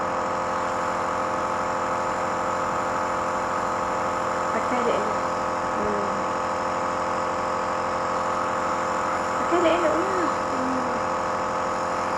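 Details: Child with cough and cold receiving nebulizer treatment: steady mechanical hum of the running nebulizer compressor, with a few brief child vocal sounds over it.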